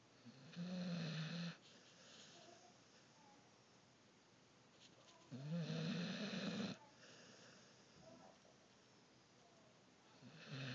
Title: Snoring Dog